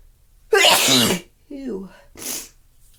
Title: Violent ticklish sneezes!!